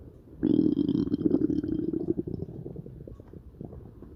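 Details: A loud low gurgling rumble that bubbles and fades over a few seconds: stomach growling, ordinary gut movement noise in a dog named Marshall.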